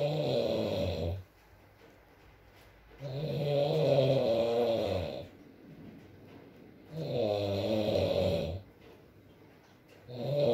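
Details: Adult male snoring during sleep: loud, rough snores with each breath, about 17 a minute, separated by quiet pauses, with faint rain in the background.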